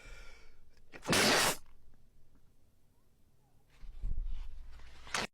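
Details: Streamer's very snotty sneeze: a loud, wet, explosive burst, then a quieter breathy sound and a brief final burst.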